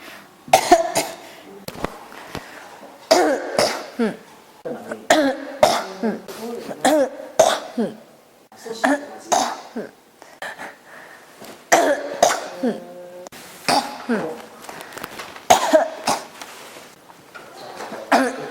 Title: 咳が止まらない 36 cough